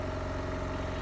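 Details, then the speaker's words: Komba Microban oxygen concentrator running for about one minute, flow raised above 1 L/min: steady mechanical hum with a low pulsing drone. "Nah, ini udah jalan berapa lama, ada timernya Pak. Ini udah jalan 1 menit mesin ini."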